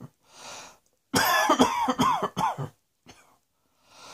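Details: A quick run of about four harsh, voiced coughs after a soft breath, then quiet breathing.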